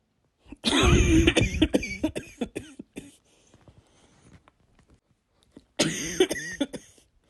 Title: My Coughs from my Flu for Now (I'm sick)